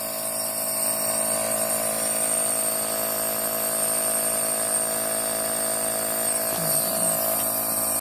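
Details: Nebulizer compressor running: a steady mechanical hum and whir with faint hissing and a brief background voice.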